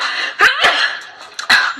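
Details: Two quick, sharp voiced bursts, then a third after a pause, from a girl; they sound like short coughs or stifled sneezes in a small room.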